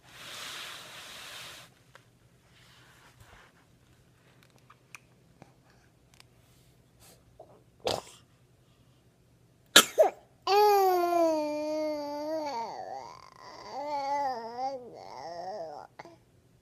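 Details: Infant boy sitting and eating toys, sneezing: two quick, sharp sneezes close together, then a long whining cry.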